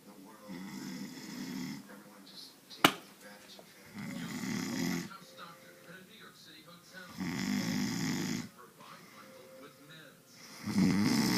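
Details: Slow rumbling snores, four in about eleven seconds, roughly 20 a minute, with one sharp click between them: snoring.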